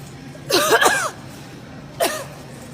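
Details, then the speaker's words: Two short, voiced, deliberate-sounding coughs from an adult anti-mask woman coughing at customers in a Nebraska shopping center, over low indoor background noise. "you're so cute she's coughing on me she's coughing at me"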